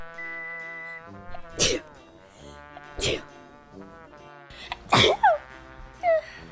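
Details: About five sharp, explosive sneezes, some ending in a voiced 'choo', over steady background music: repeated sneezing.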